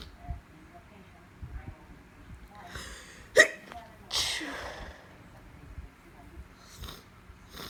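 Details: Sneezing with allergies on top of a cold: two abrupt, forceful sneezes in a quiet room, the second longer and breathier, part of a repeated sneezing run.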